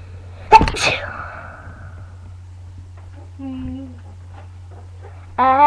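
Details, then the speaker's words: Person recorded on webcam: one sharp, explosive sneeze, followed by quiet and brief voiced sounds; described as a real sneeze, not faked. "It keeps sneezing. Sorry, it's a real one. That was a funny sneeze."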